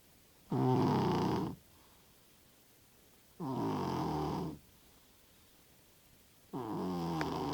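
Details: Sleeping cat snoring loudly: rattling snores each about a second long with quiet gaps, roughly 20 a minute; ordinary snoring.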